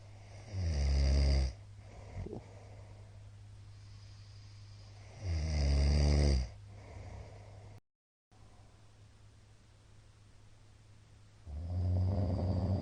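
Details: Middle-aged man snoring during sleep, recorded 13 March 2022, described as very loud: deep, rumbling snores recurring every few seconds with steady room noise between; heavy habitual snoring.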